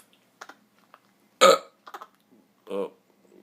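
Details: Father and son, both with hiccups, the father's since the night before, possibly from sausages, at 4 a.m.: a loud, short belch-like burst, then a lower voiced burp among faint clicks and quiet room sounds.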